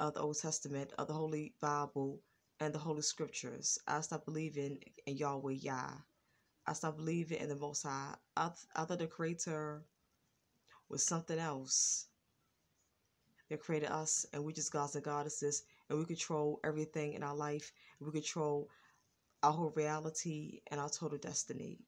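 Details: Adult woman with a lifelong stutter, now more controlled than before and worse when excited; stuttering.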